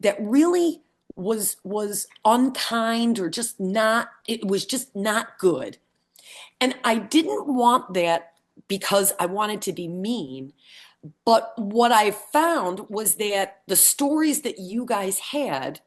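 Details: Support group member recovering from a brain injury with aphasia; aphasia.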